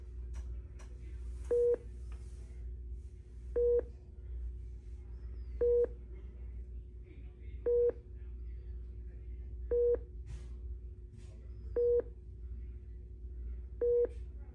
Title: White Noise Hospital Monitor Beep